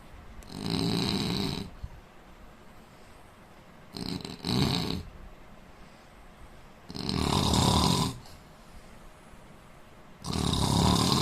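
Loud, rough snores on each breath in, about four in eleven seconds, separated by quiet breathing out: ordinary heavy snoring.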